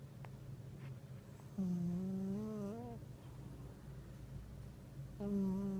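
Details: Snoring from a very fat black cat: loud snores likened to a sumo wrestler's.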